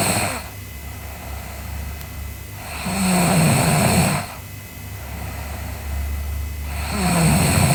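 Loud, low, rattling snores on each breath in, about 16 breaths a minute, with a steady hiss in the background.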